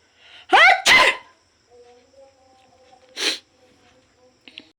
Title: high pitched sneezes Philippines ❣️